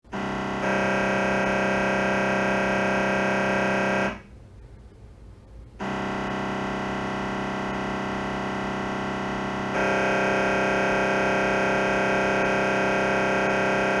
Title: MRI T1 AXL MRI Sound